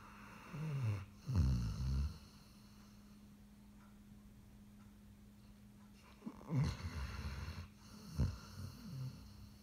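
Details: Low rattling snores in two bursts separated by quiet breathing, with a steady hum in the background; snoring from a Greater Swiss Mountain Dog.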